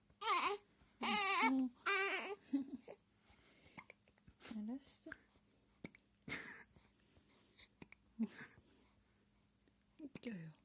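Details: A 20-day-old baby hiccups in a quiet room: infant hiccups.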